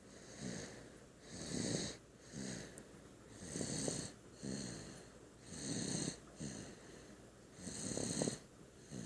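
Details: Loud rhythmic rattling snores on each breath, about 14 breaths a minute, with a whistling edge; ordinary snoring.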